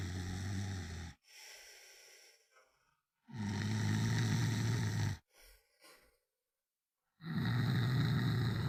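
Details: Heavy snoring: loud, rough, low rattling snores recurring about every four seconds with softer breaths between.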